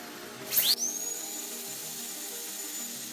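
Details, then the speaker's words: Dental surgical handpiece attached to the unit is run, rheostat in reach and water on, to check water flow during surgical setup. A brief high-pitched whine rises, then settles into a steady faint whistle. "we want to make sure that our rheostat is accessible water is on run your water"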